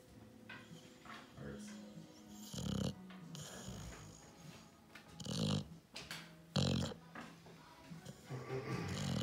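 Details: Dog asleep in a chair after chasing toy cars on a track, snoring very loudly: low rumbling snores and several drawn-out snorts with background noise.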